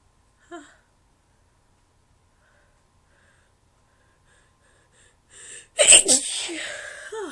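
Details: Induced sneezing: a quiet in-breath, then a sharp high-pitched sneeze with a short follow-on burst; the sneezer says the high-pitched choos can't be helped.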